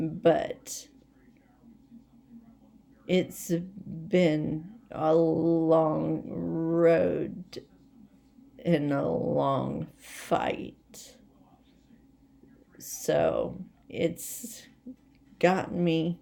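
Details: Adult woman with essential tremor, badly out of control and rapidly progressive, affecting mainly her head and voice, with word-finding difficulty and leg and hand weakness; awaiting movement disorder specialist visits; voice tremor.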